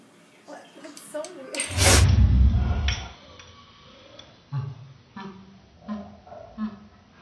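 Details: Dog (Toby) sneezing repeatedly, about ten sneezes before recording began, filmed on an iPad with a slow-motion app. One loud, forceful nasal burst, followed by a person's voice and soft snorts.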